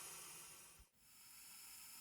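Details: Steady hiss of high-pressure air through a simple plastic fluidic pressure-controlled ventilator prototype with PEEP, PIP and rate settings, briefly dipping and returning as it cycles; test device, not on a patient.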